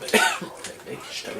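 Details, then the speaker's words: Single harsh cough burst from an adult man, followed by quieter room noise; he is recovering from a fairly serious lung infection; cough. "Ouais, donc, je disais, je ressors d'une quand même assez grave infection pulmonaire. Et donc, du coup, pour le coup, bah, je tousse én"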